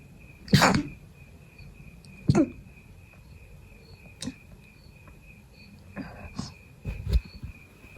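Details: Person still sick with a cold, no longer feverish: several sneezes, some stifled and muffled because of a persistent nose tickle, with short quiet gaps and faint breathing between; repeated sneezing.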